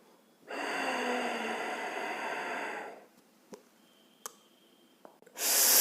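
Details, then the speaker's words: Demonstration of a capsule dry powder inhaler (rotahaler-type) used empty, without drug. One long, forceful inhalation then a held breath with faint clicks. Needs vigorous inspiratory effort, hard for a patient in severe distress. "तो जैसा कि आपने देखा इसमें बहुत ज्यादा विगर्स power लगता है तो ऑलरेडी अगर पेशेंट बहुत ज्यादा डिस्ट्रेस में है तो इसको करना मुश्किल होता है"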